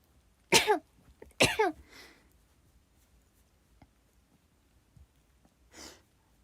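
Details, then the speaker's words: Japanese adult woman: two quick, sharp sneezes in a row, then a soft breath out; an ordinary sneeze. "可愛いくしゃみでしょ。なぜならくしゃみは私は可愛くできるんです。"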